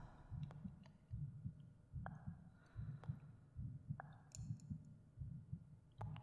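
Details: Creator's own heartbeat, about 74 a minute, soft, muffled and steady, with faint clicks, breathing and 3D/binaural cave echo effects. Recorded under an ASMR meditation for relaxation and sleep. Normal resting heartbeat.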